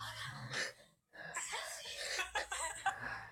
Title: People sneezing with their eyes open